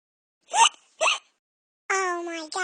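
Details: Animated Talking Tom game character imitating hiccups: two short sharp hiccup sounds then a high-voiced squeal; simulated hiccups.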